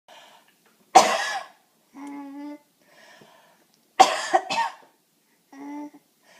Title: Laughing at mama coughing